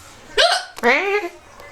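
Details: Female with recurrent hiccups: two abrupt, voiced gulping catches in quick succession; hiccups.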